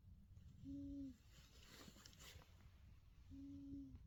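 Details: Sleeping pet cat, possibly Persian or Himalayan, making soft, whistling snores with two tonal hoot-like notes on successive breaths; snoring.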